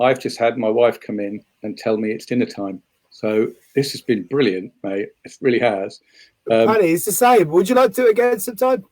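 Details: Adult man speaking; normal voice.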